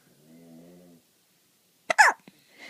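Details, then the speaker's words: Hiccups: a faint whine, then a sharp, abrupt voiced catch with a quick follow-up click; hiccups. "can you show us your hiccups what what are those your"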